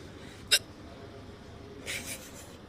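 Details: A single sharp, abrupt hiccup then a soft breathy sound in a quiet room, during a prolonged hiccup bout of about an hour and a half that has started to hurt, while the person talks.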